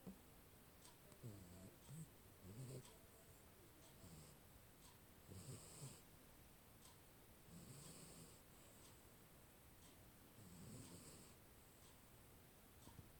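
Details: Sleeping Maine Coon cat snoring, recorded on a Xiaomi Mi 10 Pro phone: soft, regular rumbling breaths repeating every few seconds over light background hiss.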